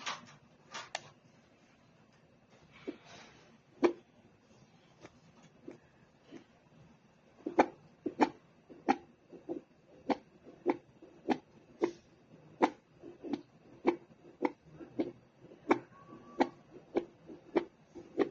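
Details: Sharp rhythmic clicking pulses from a fetal Doppler monitor, settling into a steady fetal heartbeat rhythm after scattered early sounds.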